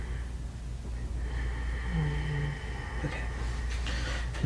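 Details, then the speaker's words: Expiratory wheeze in a female patient's lungs during deep in-and-out breathing on auscultation, with normal heart sounds and no carotid bruits: a musical, whistling wheeze over the breath sounds, audible even without a stethoscope. "Her heart auscultation is totally fine, but when we listen to her lungs, she has an expiratory wheeze, and you can actually even hear it when she takes"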